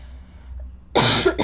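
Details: Girl with an ongoing cough she says won't subside, worse in the morning and when lying down: quiet room, then a single loud harsh cough burst with a brief second burst; cough.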